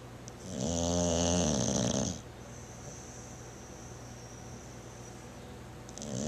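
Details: Snoring in a bulldog: one loud, rattling snore on the in-breath, then quiet breathing with a faint whistle.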